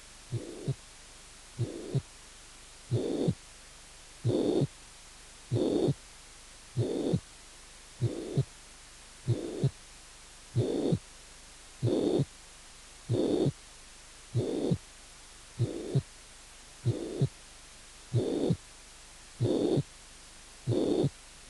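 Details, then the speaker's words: Tricuspid regurgitation pansystolic blowing murmur filling systole, increasing on inspiration and decreasing on expiration, regular heartbeat near 47 a minute. "el soplo pan sistólico de insuficiencia tricúspide aumenta en inspiración y disminuye en expiración"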